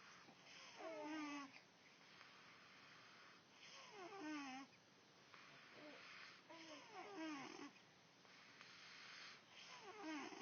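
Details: Rattling, fluttering snores on each breath in, about four in ten seconds, over quiet room noise; ordinary snoring.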